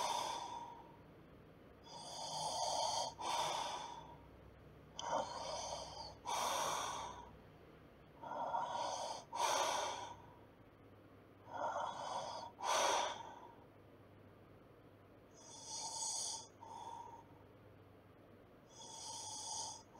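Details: Snoring during sleep: noisy, airy breathing in regular in-and-out pairs, about 18 breaths a minute, with a light snorting snore.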